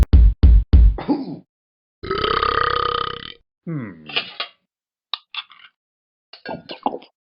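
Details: Talking Ben the Dog app character: three quick low burps, then one long drawn-out belch, followed by scattered vocal sounds over faint background music. Burping.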